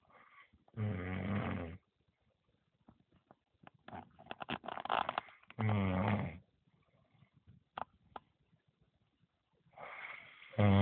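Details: Someone snoring loudly at 20:42, heard after the recorder's full day of work: loud, deep, vibrating snores on the in-breath with softer snorts between; heavy snoring.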